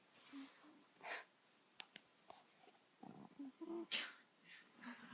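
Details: Soft, wheezy snoring with rhythmic noisy breaths and faint whistling tones from a cat sleeping around 3 a.m.; cat snoring.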